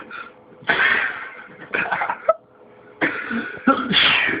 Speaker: this is the man who can sneeze whenever he wants